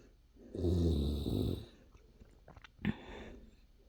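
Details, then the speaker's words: Snoring from an adult man (husband) asleep: a loud, rumbling inhaled snore, then a short snort and a softer breath out. "Yeah, that's why I sleep on living room couch, too."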